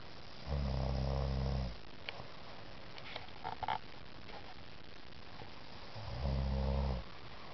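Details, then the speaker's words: Woman 9 months pregnant, after Tylenol PM, snoring at 3:30 a.m.: two long, deep, rattling snores on breathing in, about five seconds apart; reportedly less severe than on previous nights. "It's 3:30 in the morning. 9 months pregnant. I've been telling her how much she snores. I think it's time to catch it on videotape."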